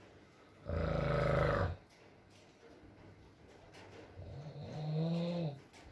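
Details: ASMR recording of a sleeping man (boyfriend) snoring: a harsh, rumbling snore, then a quieter pause and a second, more tonal snore, over faint rain; snoring in sleep.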